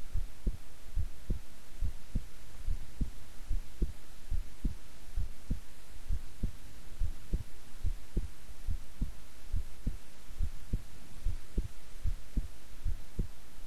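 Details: Steady low lub-dub at about 70 beats a minute over a soft constant hum, a person's own heartbeat recorded at length while resting quietly; normal heart sounds, regular rhythm.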